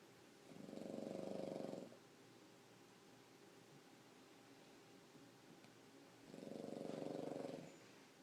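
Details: Pug sleeping on a person: two long, rumbling, fluttering snores about six seconds apart with quiet between; snoring.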